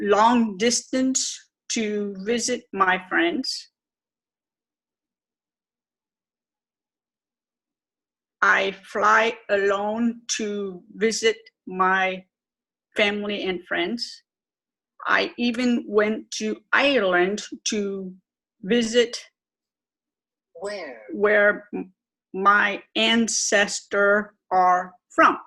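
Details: Aphasia with apraxia of speech, self-described as severe, in an adult woman twelve years after a stroke.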